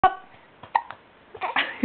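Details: Baby, apparently after drinking milk: several short, abrupt, voiced gulp-like catches in quick succession; hiccups.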